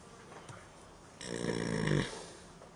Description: A horse sleeps/ snores in a barn. It wakes up and a woman laughs.